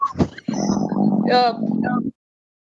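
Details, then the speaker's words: Adult's stomach growling during a live voice discussion, heard by others: low, drawn-out tonal rumble with a gurgling quality; borborygmus. "I think that was my stomach. Did you hear that? I'm so sorry."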